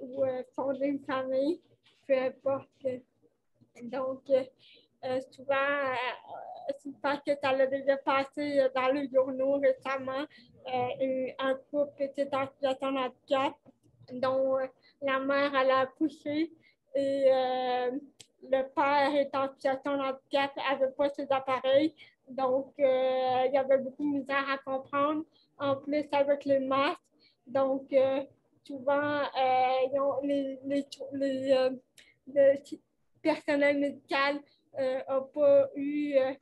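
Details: Dysarthria associated with cerebral palsy in a 29-year-old woman, caused by lack of oxygen at birth; she appears to mention speech difficulties; real conversational French speech.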